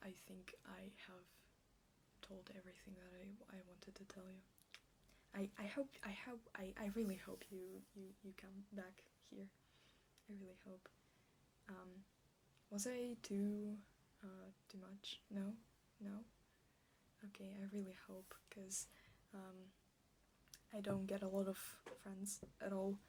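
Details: Stuttering with part-word and whole-word repetitions, in an ASMR clip presented as a stuttering roleplay; stated to stutter like this in real life.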